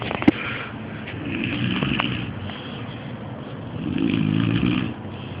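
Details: Person snoring very loudly at 4 a.m.: two low, rough rattling breath sounds, one louder near the end, over steady room noise; snoring.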